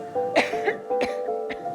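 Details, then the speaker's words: Chronic cough in an adult patient whose doctors have not found the cause and whose cough is not contagious: three dry, abrupt coughs in under two seconds over soft background music. "People would look at me irritated like I was contagious But I'm not. My doctors don't know what's going on. I just can't stop coughing."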